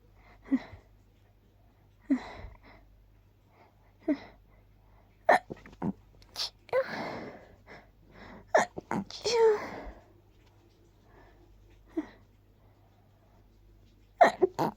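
A run of short, stifled sneezes with quick intakes of breath between them, held back rather than fully released.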